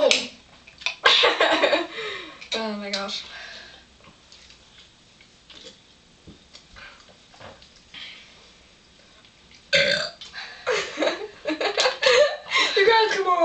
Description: 3 hotties having a burping contest.